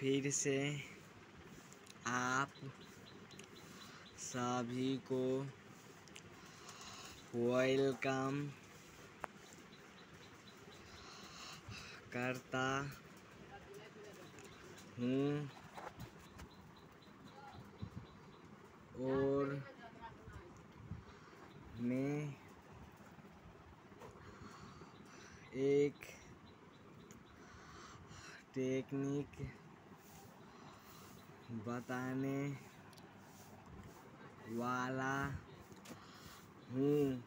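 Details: Person with a stammer speaking very slowly with long gaps between single words and a word repetition, demonstrating a technique to overcome stammering; stuttering.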